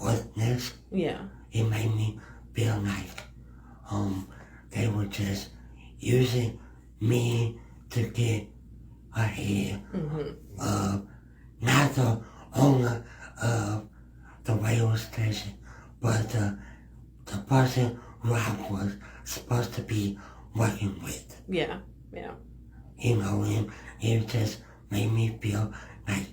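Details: Man described as having a speech impediment; speech impediment.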